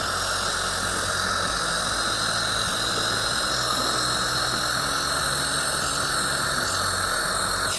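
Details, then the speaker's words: High-pitched continuous squeal with hiss from an ultrasonic dental scaler cleaning the lower teeth of an adult patient who holds the suction herself, with suction running; she reports it is somewhat painful, pressing hard at times. "Ah medyo masakit din pala magpa-cleaning ng ngipin kasi kinakayog-kayog pala yung ngipin niya. So minsan madiin, minsan hindi madiin."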